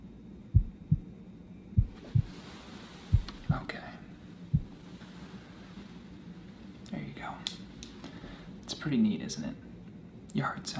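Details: Listener hears their own heart through a stethoscope during a simulated ER exam: soft, regular paired thumps at about 45 a minute, then whispering and rustling; normal heart sounds.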